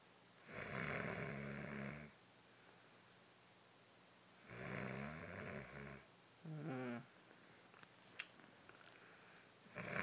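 Long, deep, rumbling snores on each breath in, with quiet pauses between; ordinary heavy snoring.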